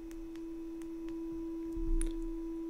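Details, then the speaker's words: Simulated tinnitus: a steady, pure mid-range tone from a tone generator app plays continuously, mimicking ear ringing. "I'm going to start off with a mid-range pitch and then we'll hit the play button"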